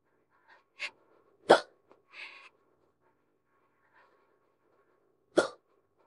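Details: Woman drinks a can of beer and gets hiccups; abrupt, sharp hiccup bursts with a few softer sounds between, in a quiet room.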